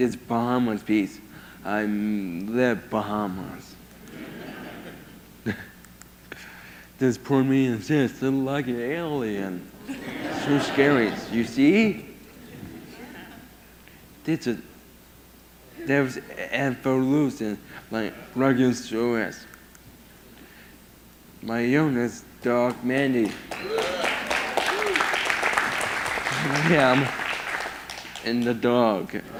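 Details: 22-year-old man with severe autism who lost language at about 15 months and had years of speech therapy; he speaks only a few sentences a day, mostly hard to understand; speech impairment in autism.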